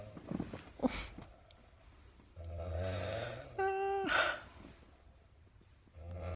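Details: Roommate's extremely loud, rough snoring with a harsh rattling breath and a brief high whistling tone in a quiet room, keeping the listener awake.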